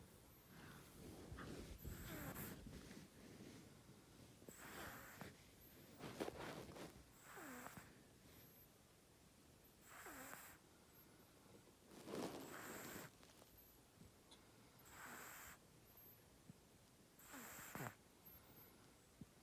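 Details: A cat snoring: soft, rough snorting breaths recurring every few seconds, about 18 breaths a minute.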